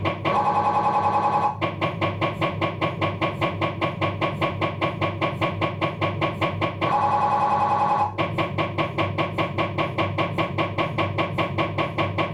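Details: Abdominal MRI on a Philips 1.5T scanner, axial diffusion sequence with navigator (DIF ax NAV): loud steady rapid knocking about 150 per minute, broken twice by a brief high-pitched buzz; MRI scanner noise.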